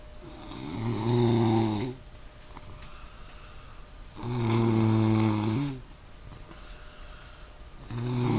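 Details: Loud, buzzing, tonal snores on each in-breath with quiet gaps between, about 17 breaths a minute, in a small room: snoring.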